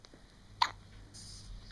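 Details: A single short, sharp hiccup in a quiet room.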